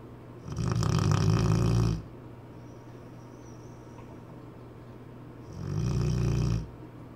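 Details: Cane Corso dog snoring: two loud, rumbling snores on long breaths, about eight breaths a minute, with quiet pauses between.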